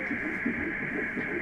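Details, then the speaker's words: Fetal heartbeat at about 10 weeks of pregnancy, single intrauterine pregnancy, on ultrasound Doppler: rapid, regular whooshing pulses over steady hiss, a normal early fetal heartbeat with cardiac activity visible. "Is the heartbeat. Congrats. And these are the first moments of life actually."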